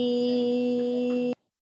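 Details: Intraoperative sustained vowel from a patient with essential vocal tremor during Vim deep brain stimulation via the DBS electrode; tremor modulations are flattened, with operating-room monitors beeping; essential vocal tremor reduced by deep brain stimulation.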